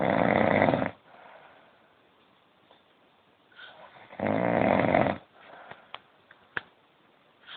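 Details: Adult man (father) snoring while asleep: two loud, rough, rattling snores about four seconds apart, with quiet breathing and small clicks between.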